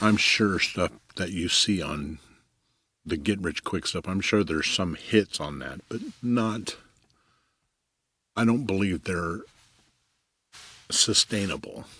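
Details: Stuttering in an adult man, self-reported, with pauses and skipped words.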